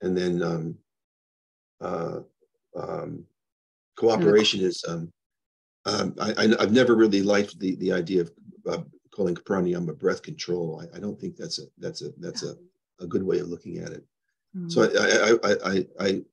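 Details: Neurogenic stuttering with word-finding loss in a man with Parkinson's disease diagnosed 21 years ago and progressing; he also has anxiety, depression, memory problems and poor balance.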